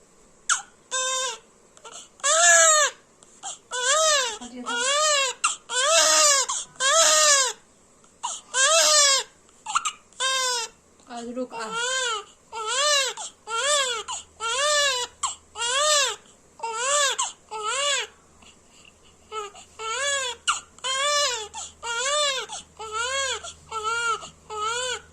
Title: Crying baby sound effects (Unhappy baby crying) #babygirl #baby#babyshorts